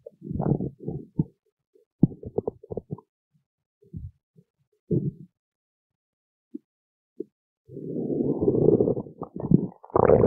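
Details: Stomach growling: irregular low gurgles and rumbles, brief pops, then a longer rolling growl near the end, ordinary bowel sounds (borborygmi).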